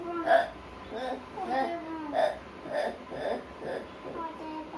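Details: Child pretending to have hiccups in play, imitating them with repeated short voiced hiccup-like sounds, about eight in five seconds; simulated hiccups.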